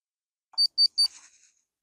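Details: Automatic wrist-cuff blood pressure monitor held over the heart, seated with feet flat, in a patient on blood pressure medication; three short high beeps signal the measurement is finished, reading 147/62.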